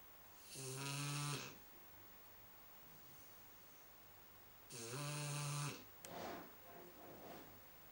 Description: Our 3 month old Shar Pei snoring while she snoozes on the sofa with our daughter